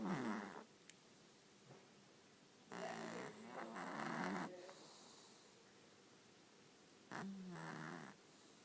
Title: Cat snoring